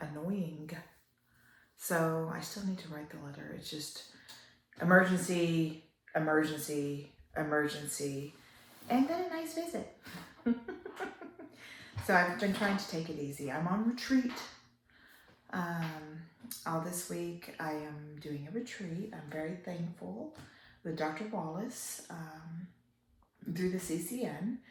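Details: Adult woman with upper motor neuron onset ALS, almost 3 years in, a slow progressor with worsening spasticity; spastic dysarthria (ALS, upper motor neuron onset).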